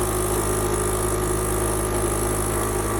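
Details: Steady motor hum and hiss of a suction machine running continuously; noisy but suctions well.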